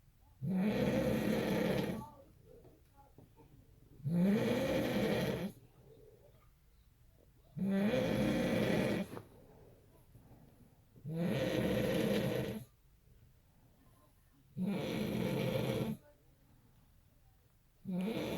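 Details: Adult father snoring, heard beside a newborn and sister; loud, regular rumbling snores on each breath in, about 17 breaths a minute, with quiet pauses between.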